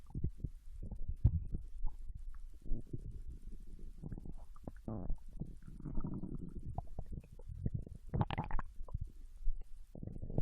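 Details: Low gurgles and rumbles with soft bubbling pops, recorded from a Japanese girl lying on her side in bed while digesting ramen: ordinary bowel sounds of digestion after a meal.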